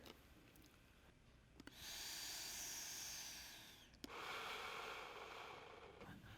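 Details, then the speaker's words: AeroEclipse breath-actuated jet nebulizer on a flow meter: a steady hissing jet runs about two seconds, pauses with a click, then resumes. It creates aerosol only as the patient inhales and stops during exhalation. "as the patient inhales the nebulizer will create aerosol when the button moves back up the patient is exhaling or taking a break and aerosol stops being created"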